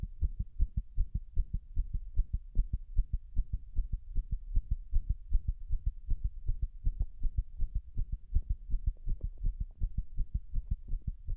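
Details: Heart sounds recorded after six minutes of wall-standing pressure: fast, uneven low heart thumps, roughly 150 a minute or more, with beat-to-beat spacing shifts; irregular rapid heartbeat, arrhythmia.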